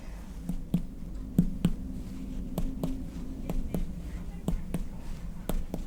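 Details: Abdominal percussion note (dullness over colon).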